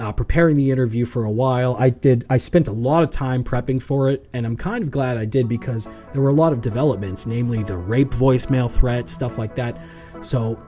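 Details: Adult man speaking; ordinary speech.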